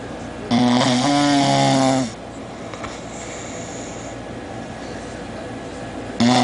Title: roncando